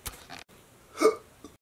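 A single abrupt voiced gulp-like sound with a brief catch, between faint noises; a hiccup.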